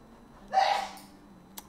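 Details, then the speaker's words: Adult woman sneezing in the background: one pretty loud sneeze. "you can hear that, my wife sneeze. pretty loud there."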